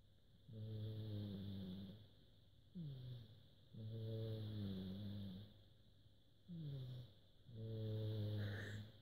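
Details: Snoring: low, buzzing, tonal snores on each breath, a long rumble alternating with a shorter one, about 17 breath cycles a minute.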